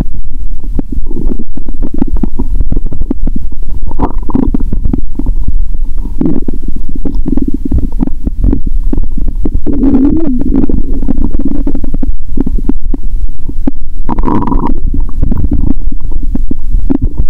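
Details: Stomach sounds through a stethoscope after eating Mentos and drinking cola: continuous loud low gurgling, bubbling and rumbling with frequent crackly pops, active bowel sounds (borborygmi) from gas.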